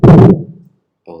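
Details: Teaching lung-sound recording: brief low-pitched, rumbling, snore-like continuous sound on both inspiration and expiration, then a short low tone: rhonchi.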